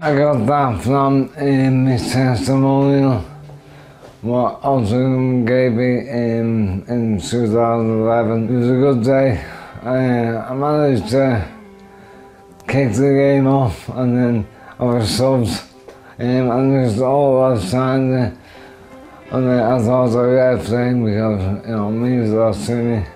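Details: Adult man with motor neurone disease (ALS) diagnosed in 2010, beginning in the upper body (arms, shoulders, chest) and affecting his throat and voice through weakened throat muscles; dysarthria (motor neurone disease).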